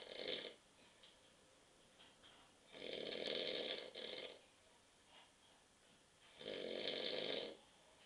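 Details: Adult husband asleep on the sofa at 9:30 p.m. after too many beers, snoring: loud rattling snores on each in-breath with quieter breathing between.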